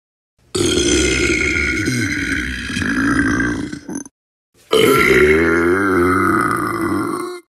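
Two long, loud, voiced belches, each several seconds, separated by a brief pause; burping (eructation).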